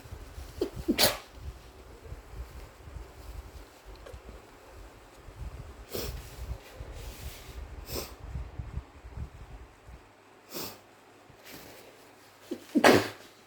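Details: Sniffling with a few sharp nasal bursts ending in a loud sneeze from a tickly nose; possibly the start of a cold.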